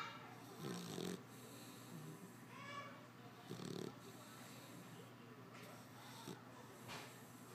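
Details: A sleeping dog gives two short snorting snores in a quiet room with faint background sounds; ordinary snoring.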